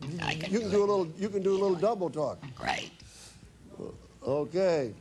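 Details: Adult speaker in a room; ordinary speech.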